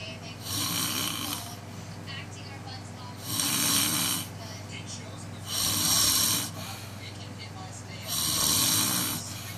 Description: My cousin frog snoring